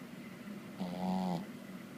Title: snoring